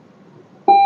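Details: Single short electronic beep as the touch screen of a UMS C12 5-parameter multipara patient monitor is pressed; ordinary device feedback tone.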